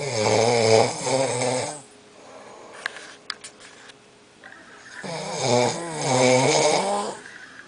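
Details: Snoring during sleep: two loud, rattling, buzzy breaths separated by a quiet pause.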